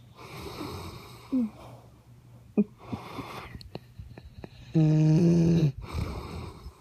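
Noisy breathing with one loud, buzzing, tonal snore near the end and a few soft snorts, in a quiet room.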